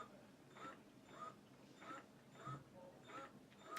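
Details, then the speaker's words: Ameda double electric breast pump with suction knob turned on at a fairly slow setting: soft rhythmic whirring suction cycles, about 48 a minute, each with a squeak. "so to turn it on turn on the suction knob and you can hear it going fairly slow okay"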